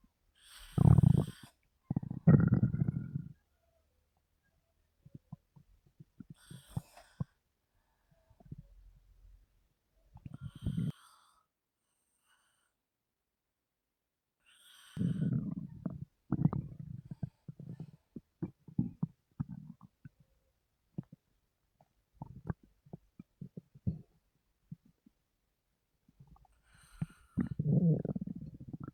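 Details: Woman's stomach rumbling a lot while she sleeps: irregular low gurgling and rumbling bursts from the belly, ordinary stomach rumbling (borborygmi).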